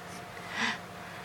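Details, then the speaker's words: Infant girl's sneeze: a single soft, quick burst of air, rising and falling within a split second over quiet room noise. "oh bless you oh bless you my sweetheart"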